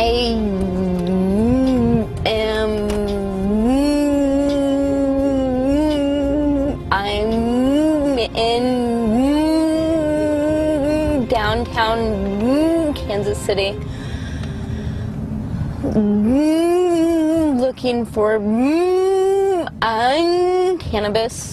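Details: Adult woman with congenital cerebral palsy affecting motor function, with right-sided weakness and pain; severe stutter resulting from her condition. Finding: stuttering.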